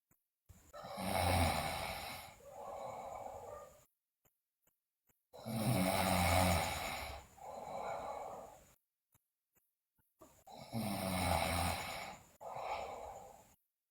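Three loud, harsh, rattling snores on each breath in, each trailing into a softer breath out, about twelve a minute: heavy snoring.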